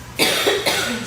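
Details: Cough.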